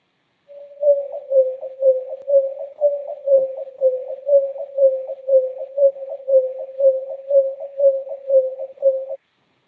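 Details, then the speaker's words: Steady mid-pitched tone pulsing regularly about 120 times a minute: a sonified electrocardiogram with ST segment elevation. "y esto sí es un sonido de baja frecuencia entonces lo escuchan mejor si tienen audífonos y este sería la señal que corresponde a un programa que tiene una elevación en este segmento"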